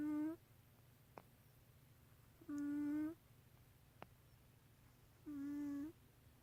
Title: Snoring cat 4_1_17